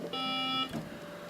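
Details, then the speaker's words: Single steady half-second electronic alarm tone from a haemodialysis machine used by a full-time-working kidney failure patient in a self-care unit; the dialysis fluid canister needs changing. "michael's just attending to an alarm and the canister that provides the dialysis fluid just needs changing over"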